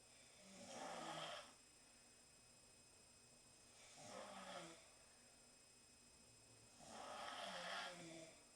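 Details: Ordinary snoring from girls sleeping in the same room after a long night out: three soft, rasping snores about 3 seconds apart, roughly 19 a minute, over steady room hiss.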